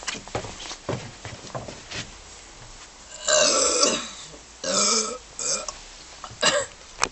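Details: Several loud, long, rumbling burps in a row with short gaps between them, right after quickly downing a can of Dr. Pepper in a no-burping challenge; burping.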